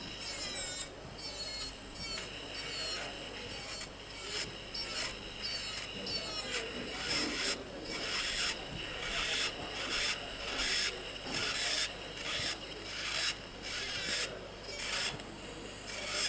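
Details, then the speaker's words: Mastoid drilling during temporal bone dissection; repeated grinding, rasping drill passes, duller and lower-pitched over thick solid bone than over the thinned dural plate. "Whereas here the sound is much more solid. The bone is much more solid. So the sound is low pitched."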